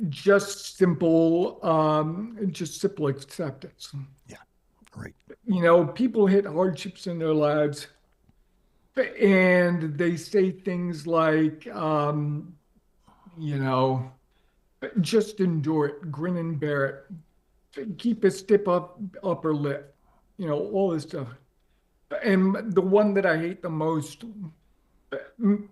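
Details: Adult man with ALS diagnosed four and a half years earlier and now near end stage; paralysis spread from right calf through legs, core, arms and hands to the neck; uses a ventilator to speak; difficulty speaking and breathing; dysarthria in amyotrophic lateral sclerosis.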